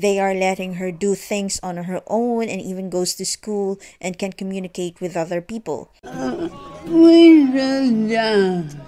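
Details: Adult narrator; Normal fluent speech.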